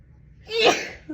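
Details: Single forceful sneeze from an adult female with dust allergy and a stuffed, tickling nose after several false starts, with a brief voiced lead-in and explosive hissing release.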